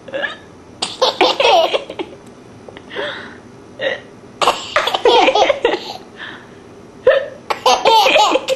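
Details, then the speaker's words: Young girl laughing while playing with her mother, broken by brief, isolated voiced catches between laughs: hiccups. "pop you have the hiccups hiccups"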